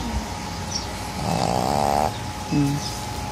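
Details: A pug, a flat-faced dog, snores loudly with a rough, fluttering snore and then a short snort over steady background noise.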